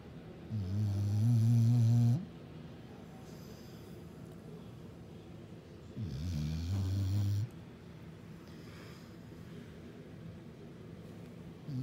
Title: My dog snoring